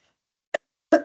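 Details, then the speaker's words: Adult woman who says she has a bug affecting her voice gives two short, abrupt coughs, the second louder, while speaking in a quiet room. "Excuse me, I'm going to cough. You have to excuse my voice. I'm someone I'm quite a bug."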